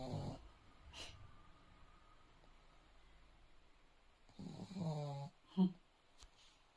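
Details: Leo, a sleeping dog, snoring: soft, low rumbling snores in a quiet room, including one longer snorting breath and a brief snuffle.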